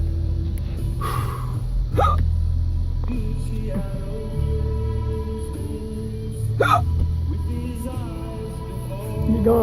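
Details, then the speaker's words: Adult man with hiccups: two sharp, abrupt voiced catches a few seconds apart over music and steady engine hum, recorded in a vehicle at a drive-through. "My hiccup killing me. No, I'm not okay."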